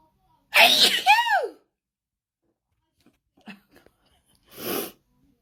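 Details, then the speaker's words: Person sneezing at home with no known trigger, who says sneezing makes them tired: a sharp sneeze with a voiced cry at its end, soft sniffs, then a second sneeze; a sneezing fit. "Sometimes it makes me tired sneezing. I don't know why."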